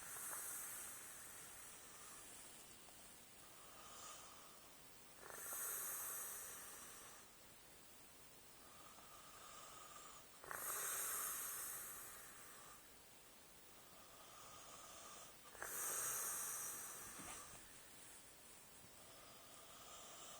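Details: Soft snoring: regular hissing, whistling breaths about every five seconds, roughly 12 a minute, with a fainter wheezy tone between them.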